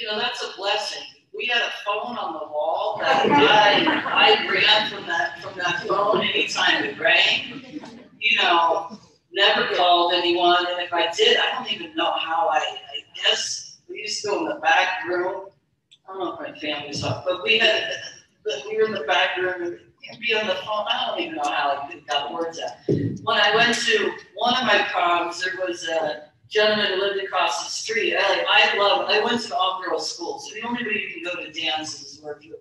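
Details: Stuttering in an adult woman, described as bouncing off syllables, hesitations and prolonged consonants; real speech.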